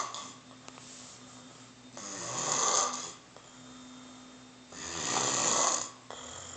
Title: Tell me u dont snore again